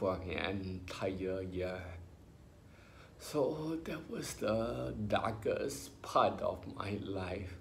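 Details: Adult male with spinocerebellar ataxia diagnosed by a neurologist about 20 years earlier, in his twenties, affecting motor skills including talking, who mentions speech therapy: ataxic dysarthria.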